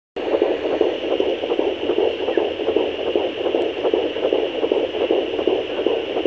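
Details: Fetal heartbeat at 13 weeks of pregnancy picked up on fetal Doppler: fast, regular whooshing pulses at about 150 a minute over a steady hiss.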